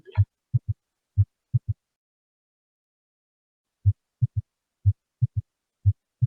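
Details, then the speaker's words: Normal heart sounds at the tricuspid valve area, auscultated on the right side behind the humerus near the axilla, in a large-animal veterinary teaching recording. The lub-dub is slightly different and smoother. "Agak sedikit berbeda jadi posisinya ya, suaranya dep-depnya agak berbeda sedikit, tapi tetap ada suara yang Anda dengarkan, memang agak lebih smooth"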